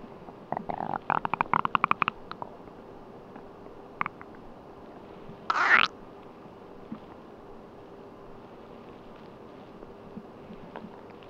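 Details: Stomach sounds while sleeping on an empty stomach: a burst of gurgling, bubbling rumbles, then a squeaky gurgle over quiet room noise; stomach rumbling (borborygmi).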